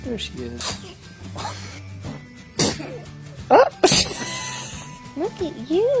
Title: When born baby sneezes